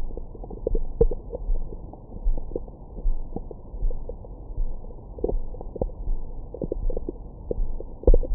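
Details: Bowel sounds recorded with a Stemoscope stethoscope microphone on the belly after a large meal: muffled gurgles, squeaks and rumbles in frequent irregular bursts, normal active digestion.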